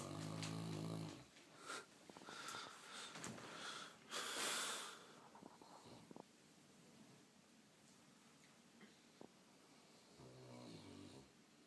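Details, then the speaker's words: Sleeping St. Bernard dog, fell asleep while being shaved: deep, rumbling snores, two long breaths about ten seconds apart. "The snoring dog. Of course, he gets quieter when I pull out the video camera. He snores worse than Tula."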